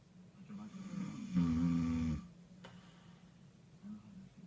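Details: Adult man asleep, snoring: one deep, buzzing snore on the in-breath between quieter breaths.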